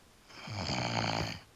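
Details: A single loud, rattling, buzzing snore about a second long, heard in the background from someone possibly asleep on a keyboard or couch: snoring.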